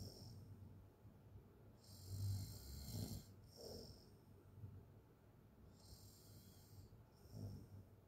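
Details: Open-mouth snoring during sleep: loud rattling snores, each breath a rough vibrating noise.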